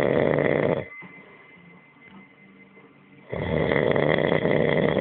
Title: Worlds Loudest Snore